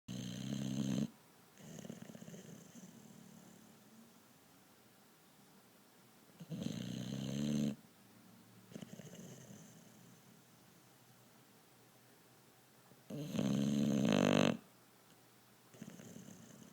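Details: Loud rattling snores on inhalation, repeating about every six to seven seconds, with quiet breathing between; snoring loud enough to drown out TV.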